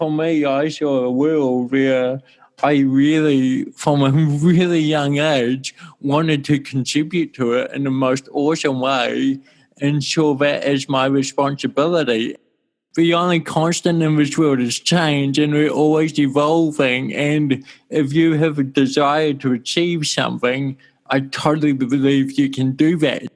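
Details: Dysarthria from congenital cerebral palsy in an adult male born in 1984, with walking also affected.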